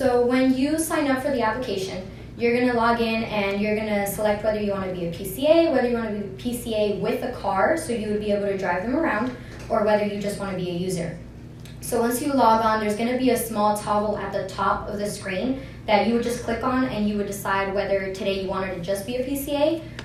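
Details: Adult woman speaking; normal speech.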